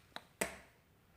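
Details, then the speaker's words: Diabetic adult's morning blood glucose check with an Accu-Chek Performa lancing device set to depth 1 on the pinky finger: soft click then sharper snap as the spring-loaded lancet fires. "so let's do it they just put it on your finger like that and just click it"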